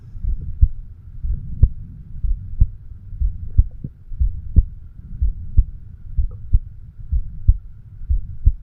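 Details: 36-year-old man recording his own heart with a homemade microphone stethoscope, said to be over the bicuspid (mitral) valve, left ventricle: normal heart sounds.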